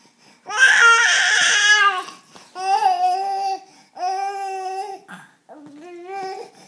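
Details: Baby crying: several drawn-out, tonal wails with short pauses for breath between them, in a small quiet room.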